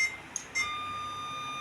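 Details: Meril diode laser with fiber attached, set to continuous mode and fired by foot pedal: brief chirps, then a steady high-pitched beep as the laser fires; the diode laser emission beep.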